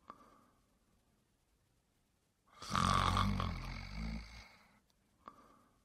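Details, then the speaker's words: Teaching example in an ENT lecture on stridor, contrasting snoring with stertor: a single loud, low-pitched, rattling snore on breathing in during sleep, quiet breathing before and after; snoring. "snoring is similar to stter and that involves noisy breathing during respiration however snoring specifically occurs during sleep and is characterized by the same low pitched turbulent sound"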